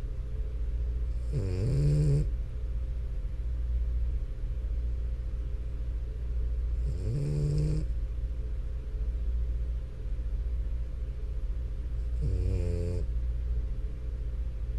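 Slow, rattling snores about every five seconds, roughly 11 a minute, over a steady low hum; noisy snoring in a flat-faced dog.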